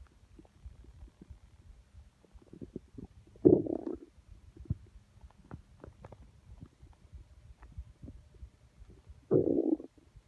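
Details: Constant stomach grumbling, felt by hand on the belly, audio only: two loud gurgling rumbles over quieter intermittent gut gurgles; ordinary stomach growling, borborygmi.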